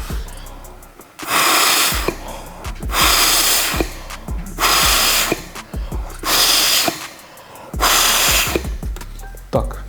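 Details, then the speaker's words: Simulated drowning first-aid demonstration: five long, breathy rescue breaths about two seconds apart, each followed by a pause, given with the nose pinched after clearing the mouth, opening the airway and freeing the chest, before chest compressions; faint music. "далі ми робимо 5 вдохів закриваючи нос"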